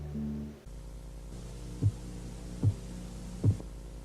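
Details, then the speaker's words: Korotkoff phase 1 during blood pressure measurement: three faint, regular tapping sounds over a low hum, the first regular beats marking systolic pressure. "el primer sonido es un leve golpe teo que señala la fase de coro con 1 la fase 1 comienza con los dos primeros latidos regulares y se corresponde con la medición de la presión sistólica"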